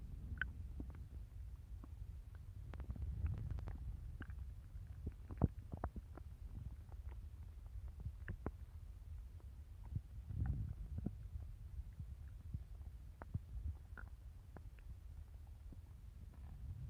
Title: stomach growling in 3 minutes